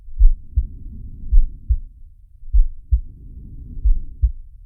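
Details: Simulated (animated cartoon) heartbeat of the character Sharky: paired low thumps over a soft breath noise, two breath cycles, heart rate roughly 100 a minute.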